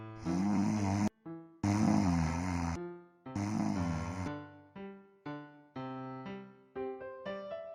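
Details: Three loud, rough, rumbling snores over music, in an advertisement for an electric anti-snoring nasal device with silica gel and twin turbofans; snoring.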